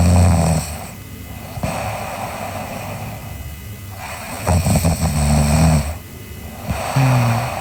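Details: Snoring in a sleeping girl: low, rumbling snores repeating with each breath over faint background music.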